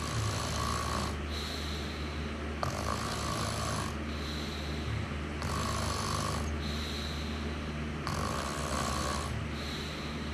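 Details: Adult snoring during sleep: steady rattling snores with whistly breaths in and out, about 12 breaths a minute, over constant room hum.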